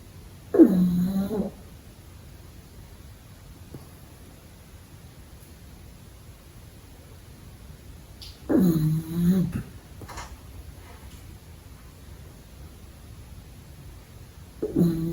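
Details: Pug puppy asleep during the day, snoring: slow, low, snorting snores about one breath every eight seconds, with quiet between; ordinary harmless snoring.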